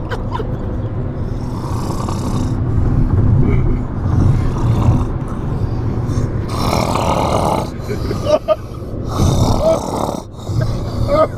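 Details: Deep, rumbling breaths rise and fall through a low, rough vibration with each cycle, consistent with a horse snoring in its sleep.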